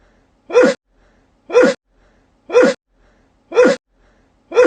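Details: Sneezing for a minute straight; five sharp, identical sneezes about one per second, each a quick intake then a short explosive burst, repeating steadily.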